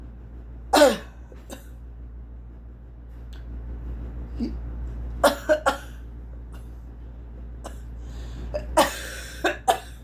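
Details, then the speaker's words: Adult with cerebral palsy attributing coughing to sinus trouble: several short, sharp coughs and throat clears in small clusters against quiet room hum. "Sorry for my sinuses are nuts today. So, sorry for the coughing and whatnot."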